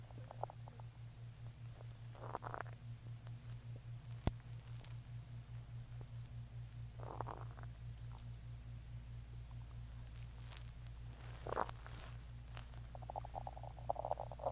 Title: Hungry stomach growls